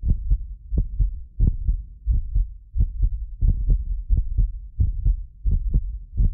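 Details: Heartbeat of a medically fit adult recorded with multiple precision contact microphones: regular low thumps at about 88 beats a minute, with occasional doubled clicks from microphone delay; a normal heartbeat.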